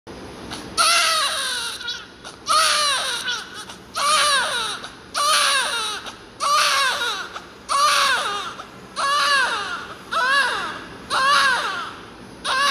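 Strong, rhythmic newborn crying, about eight cries with breaths between them: a vigorous, healthy newborn cry.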